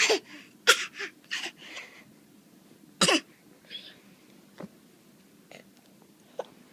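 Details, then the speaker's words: Hiccups: short, abrupt catches at irregular intervals, a few sharper than the rest, in a quiet room. "You get the hiccups?"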